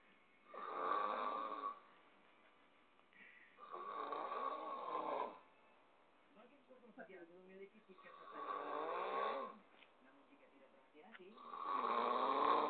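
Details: Friend asleep with a habitual snoring habit: loud rattling snores on each breath in, about four over twelve seconds, with quiet breaths out between them in a quiet room.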